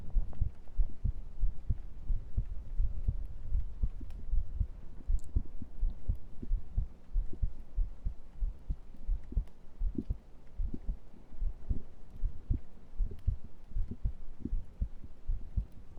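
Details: Muffled, low, regular thumping at about 78 beats a minute, picked up through a close microphone during an ASMR stream heartbeat segment. A normal resting heartbeat.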